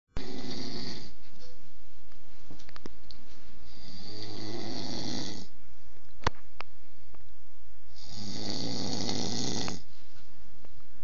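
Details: Sleep snoring: three long, rough snores, roughly four seconds apart, over steady background hiss with occasional clicks.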